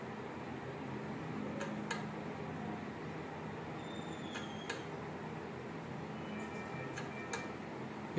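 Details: A steady low motor hum with a few faint clicks and chirps as an automatic NIBP blood pressure cuff inflates, during a demonstration of a vital sign patient monitor.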